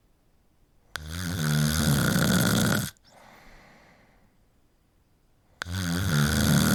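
Two long, loud vibrating snores with a soft breath out between them, about every four to five seconds. Snoring.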